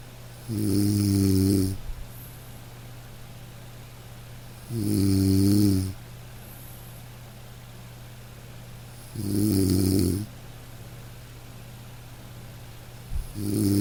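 Slow, gentle snores on each breath in, about 14 per minute, from a sleeping dog, with soft rain noise behind; normal sleep snoring.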